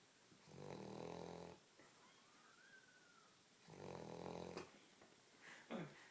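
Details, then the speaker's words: Dog lying on the couch snoring: two long, rumbling snores about three seconds apart, with faint room noise between. "He like opens his eyes. It gets louder."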